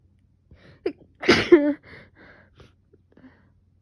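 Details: Single sneeze during a sneezing fit in a person with fever, now down, and a sore throat from coughing and sneezing: quick gasping intake, forceful explosive burst, brief voiced tail, then quiet breathing.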